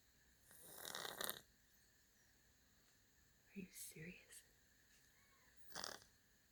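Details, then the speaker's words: Sleeping cat snoring: soft rasping breath noises with brief quiet murmuring between them; gentle snoring during sleep. "Seamus, you're snoring. Hey. You're sleeping so well."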